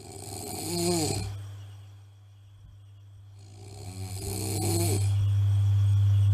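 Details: Two rough, vibrating inspiratory snores about five seconds apart over a steady low mechanical hum; snoring during sleep.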